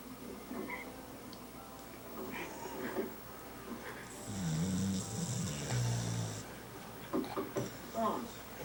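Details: Sleeping pit bull dog snoring: irregular snores and funny noises mixed with background talk and television sound.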